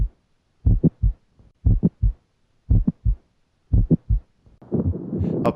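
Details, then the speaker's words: Mid-to-late systolic click, typically caused by mitral valve prolapse, heard best at the apex. Regular heartbeat near 60 a minute with a sharp extra click between the first and second sounds. "mid to late systolic clicks typically are caused by mital valve prolapse they're heard best at the Apex and are accentuated by"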